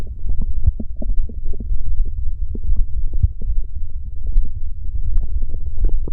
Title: Stomach growl. Gururururu... The sound won’t stop.